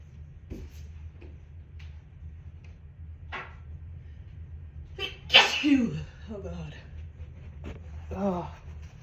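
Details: Sneezing from dust while cleaning and moving things to sell a house: a forceful sneeze with a sharp burst, gasping exclamations, then a smaller second sneeze.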